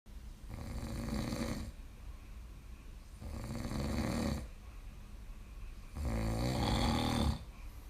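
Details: Loud, rattling snores about every 2.5–3 seconds with quieter breathing between, from someone sleeping on a couch; steady snoring in sleep.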